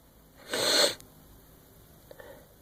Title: Still Sneezing!